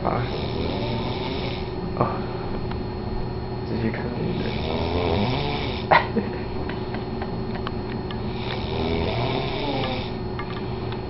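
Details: Sleeping person with an unusual snore: rough, rasping snores recurring about every four seconds over a steady background hum.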